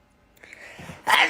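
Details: A single sneeze from a K-pop performer, who first says he has to sneeze: a brief rising intake of breath ending in one sharp, hissing sneeze burst.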